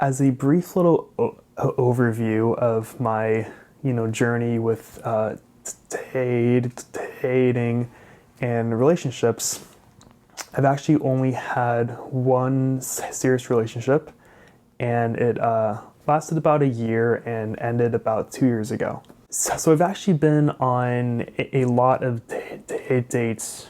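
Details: Adult male person who stutters, a graduate student studying to become a speech-language pathologist; stuttering.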